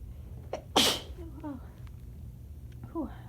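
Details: Sneezing fit triggered by shower water accidentally sprayed up the nose, which burned at first, recorded just after getting out of the shower: a soft lead-in breath, one loud explosive sneeze, then short breathy sounds and quiet exhalations in a small room.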